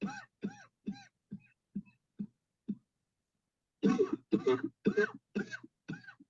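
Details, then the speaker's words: Voluntary coughing on command during a remotely guided coughing technique session after repeated deep breaths in and out: about eleven short coughs in two bursts separated by a pause. "Breathe in deep, deep, deep, deep. Cough."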